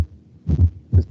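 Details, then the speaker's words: Two low, dull heart thumps with a fourth heart sound just before the first heart sound, from a ventricle with impaired contraction, in an unstable angina case; S4, not specific for ischemic heart disease. "el punto y eso fue el cuarto reto porque no ventricular y bueno si es importante importante mencionar que este cuarto ruido no es específico de la cardiopatía isquémica"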